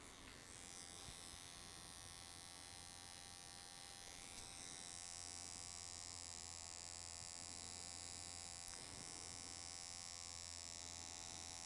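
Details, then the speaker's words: Continuous high electric buzz of a vibrating microneedling pen treating facial scars, in a small quiet room; the needle and vibration cause scar subcision. "It's not only the prickling of the scar, but the vibration um caused by the pen and the needle are causing subsision of the scar."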